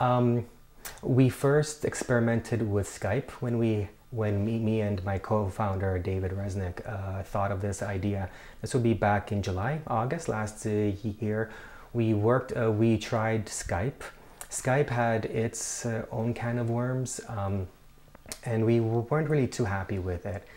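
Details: Stuttering with audible repetitions in a person who stutters, co-founder of an online stuttering support group.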